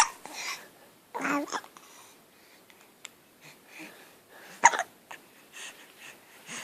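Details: Baby girl's hiccups while she tries to vocalize between them, also passing gas: soft, abrupt voiced catches recurring irregularly against quiet room noise; infant hiccups.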